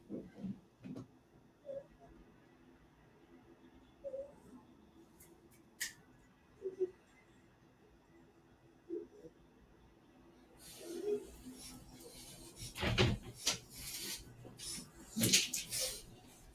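Brief squeaky, whiny breath sounds every few seconds, then louder harsh snorting and snuffling bursts: abnormal noisy breathing in a dog.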